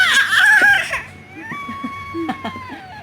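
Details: A baby's loud, high cry trailing off into softer whimpering: infant crying.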